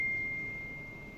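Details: Laser physiotherapy therapy machine (HCD9090) running output in pulse mode: a single steady high-pitched electronic beep that slowly fades.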